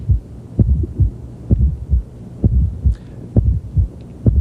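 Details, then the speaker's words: Teaching recording, stethoscope at the apex, left lateral decubitus: heartbeat near 65 a minute with a dull low extra sound just before S1, an S4 gallop from a stiff left ventricle on atrial systole. "so it's not particularly happy about accepting blood but with atrial systole the ventricle has to stretch a little more it vibrates which creates the fourth hearts and"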